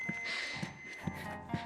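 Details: Training defibrillator during a first-aid lesson with chest compressions on a manikin: steady high electronic tones with rhythmic compression thumps in a room, as pads are being applied. AED alert signal.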